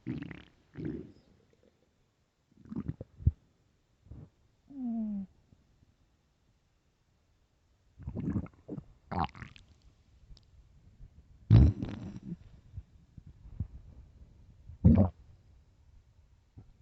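Irregular gurgles, squeaks and low rumbles from the belly, with quiet gaps between them. Loud stomach growling from hunger.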